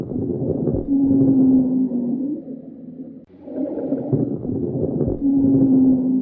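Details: Low musical wheezes recurring with breaths over coarse crackles, lung sounds of bronchiolitis, a viral lower respiratory infection of young children, often RSV.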